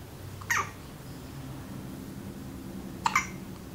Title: New born with hiccups